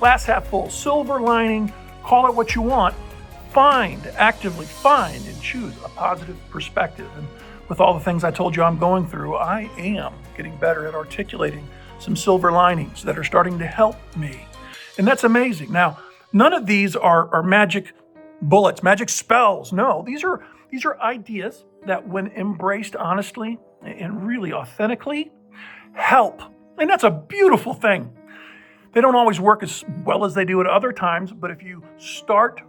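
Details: Adult man with voice change persisting since a puzzling respiratory illness nine months earlier; the infection cleared and he has no trouble breathing, but an uncontrollable spasmic cough remains; the outcome is unknown; finding: dysphonia.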